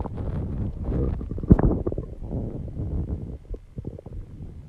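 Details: Own stomach recorded after exercising and calming down; low rumbling, gurgling sounds with a brief louder gurgle: stomach growling (borborygmi), ordinary bowel sounds.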